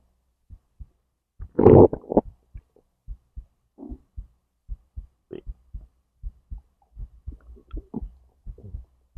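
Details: Own recording of heartbeat and digestion from stomach to intestines: soft regular low heartbeat thumps with brief gurgles and one louder rumble; normal bowel sounds.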